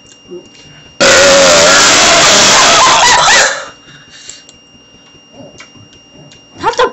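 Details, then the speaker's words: Boy burping on purpose right up close to the camera: one long, loud, rasping burp lasting about 2.5 seconds at the microphone, then quiet room noise. "Okay, the randomness now begins with it burping in your face, kid."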